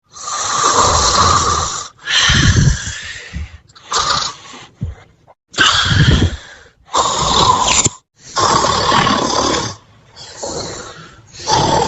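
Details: Snoring while dozing in a pink heart-patterned bed: loud, rough breathing noises repeating every one to two seconds with short pauses.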